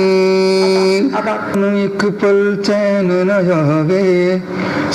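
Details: Famous male singer after CO2 laser acu-blade excision of a hemorrhagic polyp in the left vocal fold striking zone, varices and feeding vessels ablated, small irregularity deliberately left; post-operative stroboscopy; voice after vocal fold polyp excision.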